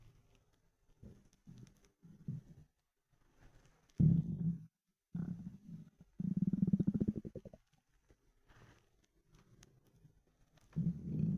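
Irregular low gurgles and growls with bursts of rapid bubbling, separated by silence; loud stomach rumbling from a hungry stomach.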